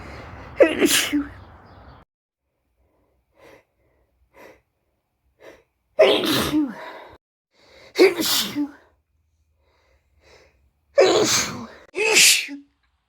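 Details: Compilation of recent female sneezes: several loud sneezes, each with a sharp in-breath and explosive release, soft breaths between them.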